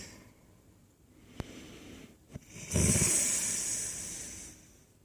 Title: Snoring